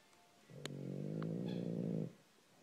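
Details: Snoring heard while sleeping in clean laundry: snoring.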